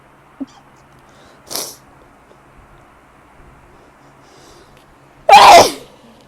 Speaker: I hate springs for this reason. Like, allergies. Really bad. Ugh.